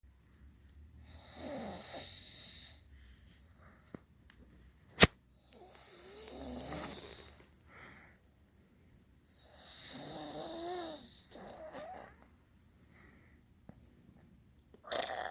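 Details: Three wet, gurgling, rattly snoring breaths with hissy airflow and a sharp click between them, from a sleeper drooling heavily onto a pillow and arm.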